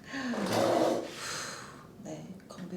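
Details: Sharp, strained gasp with a voiced groan from an adult during a manual therapy muscle release and stretch of very tight latissimus muscles, then quiet breathing; a pain or effort reaction.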